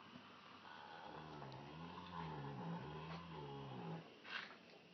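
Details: A male animal asleep in his stall, possibly dreaming, with soft, low, buzzing snores and a slight whistle as breath moves through the nose and throat; snoring.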